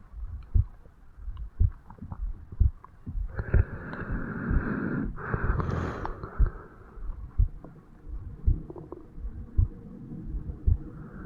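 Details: 35-year-old man's heartbeat recorded over the mitral (bicuspid) valve area on waking in the morning: regular low thumps about 60 a minute with a louder rushing patch midway; normal resting heart sounds.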